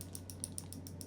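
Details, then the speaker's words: Rapid, evenly spaced faint clicks over a low hum from an electro-hydraulic GAINSWave shockwave therapy device treating an adult man's shoulder with a small rotator cuff tear below the acromion; shockwave therapy device clicking. "Now, there we go. Can you can you hear that little clicking sound?"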